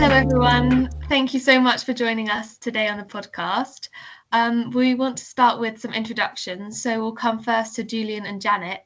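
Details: Adult woman speaking; Normal speech.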